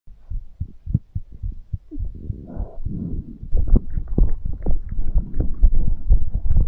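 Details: Fast heartbeat after exercise, recorded for ASMR: rapid, regular low thumps about 125 beats a minute, louder toward the end.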